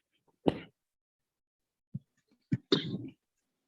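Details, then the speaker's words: Three short, dry cough bursts in a quiet room, the last one longer with a rough trailing sound, from a male professor coughing during an online lecture. "And for sorry, I'm having little bit of cough actually. Just a second."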